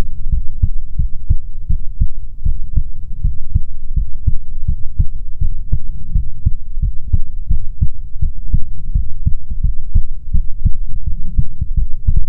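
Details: ASMR heartbeat recording: steady, deep thumping heartbeat, roughly 100 beats a minute, low hum underneath, regular rhythm; heartbeat.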